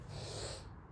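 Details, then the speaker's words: Adult man with a cold and fever-like illness who has taken medicine: a single wet, forceful sniff through a congested nose. "તમે જોવ છો શરદી અને તાવ જેવું છે હમણાં"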